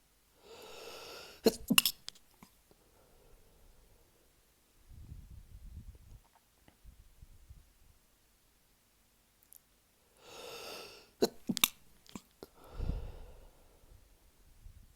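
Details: Early-morning sneezing fit from a tickle, stifled to avoid waking a sleeping partner: two bursts, each a drawn-in breath followed by two or three sharp, partly stifled sneezes, in a quiet room.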